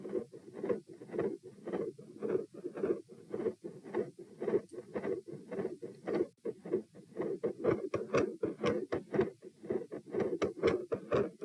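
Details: Heart sounds recorded at position P with the same subject standing; across recordings they vary from very loud to very quiet and from fairly normal with no murmur to varying murmur to an all-encompassing continuous murmur.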